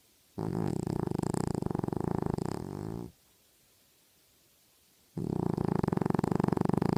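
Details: Sleeping pet snoring: two long, rough, fluttering breaths with a pause between, a buzzing snore.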